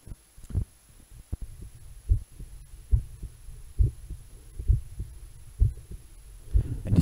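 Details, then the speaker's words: Steady low heartbeat thumps at about 67 beats a minute with a faint electronic hum, recorded through a DIY electronic stethoscope made from a classic analogue stethoscope with a lavalier microphone plugged in: normal heart sounds. "I've created myself an electronic stethoscope from an old fashioned classic stethoscope"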